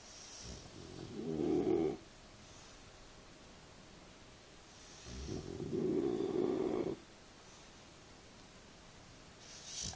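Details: Sleeping bullmastiff gives two loud, rattling snores about five seconds apart, roughly 12 breaths a minute, with quiet pauses between; snoring.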